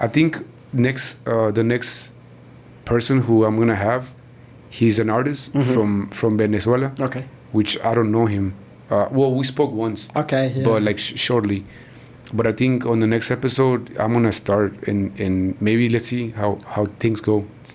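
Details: Man in his 40s, born in Mexico and living in Texas, who has stuttered since about age five or six; his father also stutters and he believes it runs in the family; stuttering.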